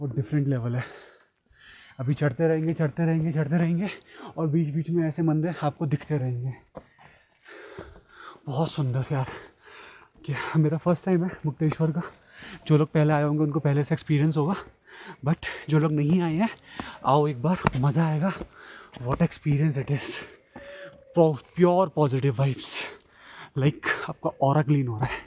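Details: Stuttering in a male Hindi-English vlogger who describes himself as a stammerer, with repetitions of the word 'and'.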